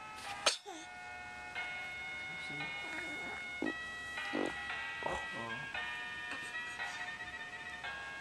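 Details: A cat gives a single sharp sneeze near the start, followed by a tinkling music-box melody and faint voices in a room; recorded November 2010.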